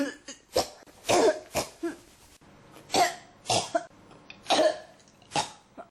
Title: 咳が止まらない 12 cough